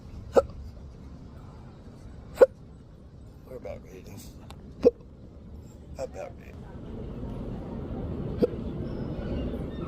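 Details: Person with intractable hiccups lasting days, recorded outdoors; sharp hiccups at irregular intervals, about four in ten seconds, over steady traffic noise; persistent hiccups.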